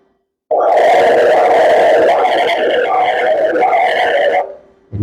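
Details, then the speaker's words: Live teaching Doppler scan of a pregnant woman's right uterine artery, with slight probe pressure and breath held; velocity near 100. Loud pulsing whooshing flow swelling with each beat: normal uterine artery Doppler signal. "en este caso podemos un poco jugar con el ángulo de ataque para que la velocidad sea la que esté por encima de de 60 No es cierto en este caso casi en 100 ahí podremos ser y tenemos a la uterina del lado derecho"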